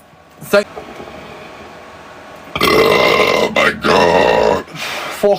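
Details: Male burping: two loud, drawn-out voiced belches after a brief sound, in a quiet room; burping.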